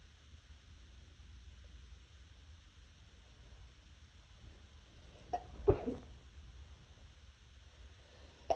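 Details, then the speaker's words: Muffled sneezing: a couple of brief, stifled sneeze bursts in a quiet room as the person tries hard to hold them back so neighbors won't hear. "I'm trying really hard to muffle them so my neighbors don't hear. This is really hard."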